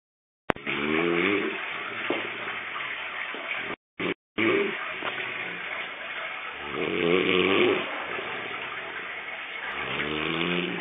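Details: Monkey snoring while asleep.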